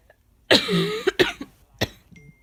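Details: A single harsh cough followed by a couple of short coughing bursts from a person with a common cold.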